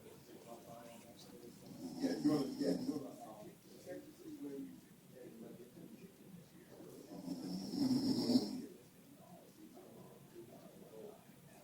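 Two rough, rattling breaths drawn in through the throat several seconds apart, with quiet breathing between them; snoring.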